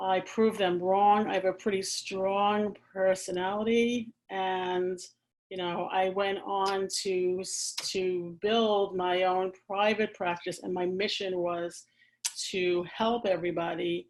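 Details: Adult woman, a speech-language pathologist who has stuttered since age four, severely during school, with a father who also stutters; she uses pausing, easing into words and prolongation strategies and finds s-sounds hardest; stuttering (stammering).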